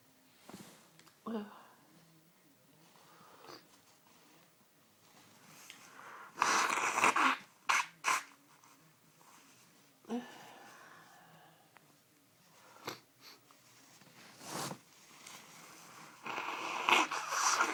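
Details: Sudden Sunday-evening sneezing fit that began within the last hour: several sharp, explosive sneezes with gasping in-breaths before them, scattered among quiet sniffs and breaths.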